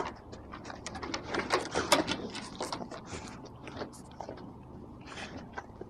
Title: Gozman's cough on 4 15 17